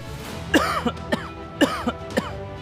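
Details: Two pairs of short, harsh cough bursts from an adult, acted in a health video about cough lasting over three weeks, with steady background music throughout; a simple cough.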